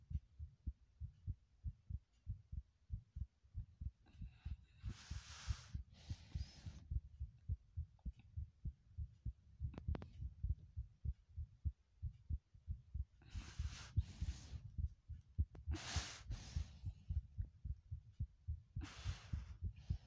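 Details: Remade heartbeat sound: steady deep heart thumps in a fast rhythm, with intermittent rushing hiss over them.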